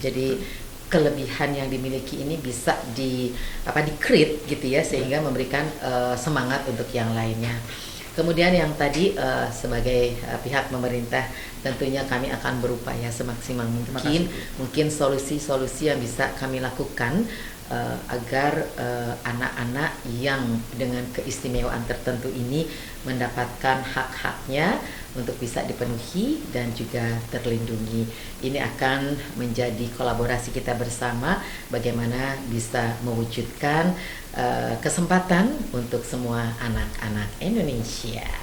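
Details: Adult speaker; normal speech.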